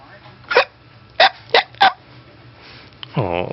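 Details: 1-month-old baby with hiccups described as violent: four sharp, abrupt hiccup sounds close together, then a short vocal sound; hiccups.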